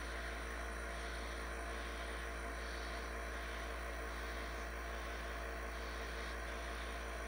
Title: Nebulizer sound asmr